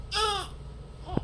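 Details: Newborn baby girl, 3.3 kg, just after a normal vaginal delivery with the umbilical cord wrapped around her; the mother's third baby: a brief, high-pitched wail lasting about half a second, then a soft whimper; a vigorous newborn cry.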